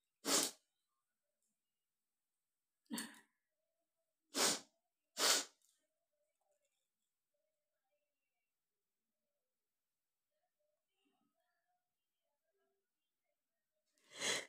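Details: Sneezes deliberately triggered by tickling the nose with paper, attempting about fifteen: five short, sharp, breathy sneezes separated by quiet pauses.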